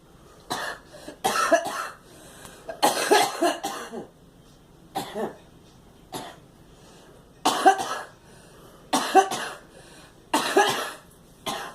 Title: Girl coughing